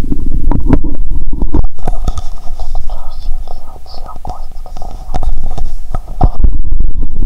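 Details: Stomach sounds heard by stethoscope on the upper abdomen near the heart: loud low watery gurgles, rumbles and pops with some muffled handling noise; active bowel sounds.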